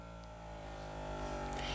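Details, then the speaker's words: Adult self-measuring blood pressure and pulse at home, seated, arm cuff: steady motor hum and buzz slowly growing louder as the automatic monitor's pump inflates the cuff. "It's good to have your feet flat on the floor. You have to stay quiet usually, but this is YouTube. And it only takes about a minute."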